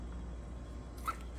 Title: Rooster 1 of 2 Cough